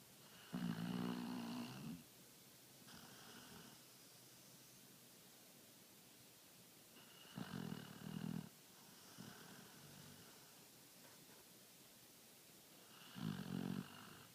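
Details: Pit bull dog snoring while asleep, with deep, rattling snores in bursts every few seconds and softer breathing between them.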